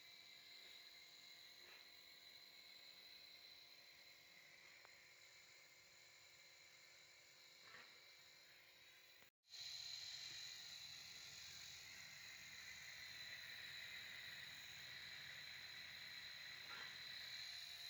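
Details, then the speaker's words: Steady nebulizer compressor hum with fast even buzz and a brief cut-out, treating a calf with pneumonia, using 4 ml normal saline, 2 ml injection Atom and 2 ml injection Clenin; nebulizer running. "अभी हमने new बलाइजर machine use की है आपने देखा न्य बलाइजर machine हमने किस तरह इस्तेमाल की है"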